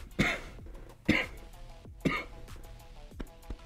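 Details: Three short, harsh cough and throat-clearing bursts about a second apart from an adult man who says he is having a half asthma attack from heavy, humid air, with a nasal voice; faint background music.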